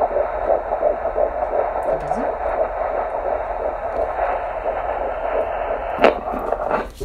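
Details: Fetal heartbeat on Doppler at a prenatal follow-up appointment during pregnancy: rapid, regular whooshing pulses with a steady hiss behind.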